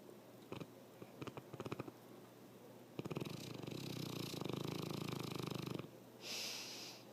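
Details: Upper-airway snoring: short snorts, then a long rattling, buzzing snore on the in-breath with a softer breath after.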